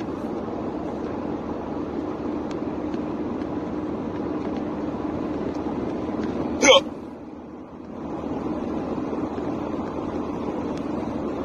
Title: Hiccups in the car